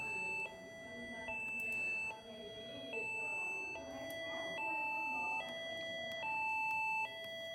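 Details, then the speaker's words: Bedside patient monitor alarm: repeating two-tone tone alternating about every second when the pulse signal was lost because the blood pressure cuff inflated on the same arm as the pulse oximeter; BP read 135/74. "Perdeu o pulso. Por quê? Porque apertou lá e o oxígeno está no mesmo braço. Ó. O alarme. Então, qualquer alteração que acontecer com esse paciente, o alarme ele soa."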